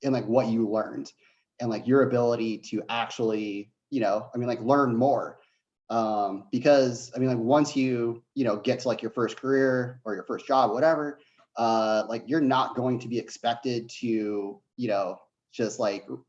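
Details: Adult man who says he has a bit of a stutter; stuttering.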